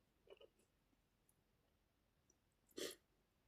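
A few quiet catching breaths, then one short, sharp, explosive sneeze burst in a quiet room.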